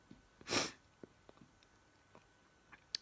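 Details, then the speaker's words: Adult sneezing bout without tissues: a single sharp, explosive sneeze with a few faint sniffs and small room sounds around it. "I don't normally need tissues cuz it's never SN it's just sneezing and I haven't got me h on either hair is a [Applause] mess this may one of the best ones I've had until now"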